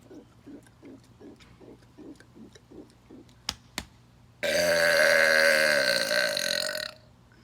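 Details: Deliberate burp in a challenge comparing burps after 5, 10 or 20 air-swallowing pumps: short rhythmic throat pulses and two clicks, then one long, loud belch of about two and a half seconds.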